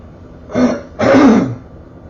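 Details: Throat clearing by a man with muscle tension dysphonia, which he attributes to talking too much and says he can hear in his voice at this moment; he also has neuropathic pain since 2003.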